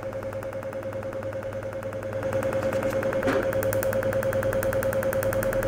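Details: Rapid regular clicking pulses, about 200 a minute, over a steady tone: a Cutera Enlighten picosecond laser firing while passed over the whole face to even out a dull complexion.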